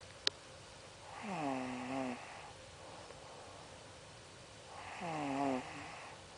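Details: Person caught snoring: two long, low, rattling snores about four seconds apart, each on a slow in-breath, with quiet breathing between.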